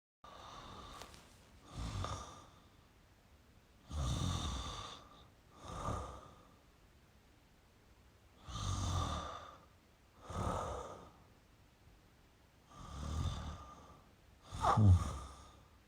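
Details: Male snoring: slow paired breaths, a soft rough snore in and a sighing breath out, about eight breaths a minute. Light snoring.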